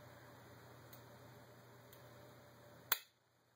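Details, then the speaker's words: Quiet room hum with faint ticks, then one sharp click as an Omnipod insulin pump pod fires its cannula into pinched skin of a person with type 1 diabetes. "so I'm going to hit start it's going to beep a couple of times I always pinched the skin so it make sure it goes"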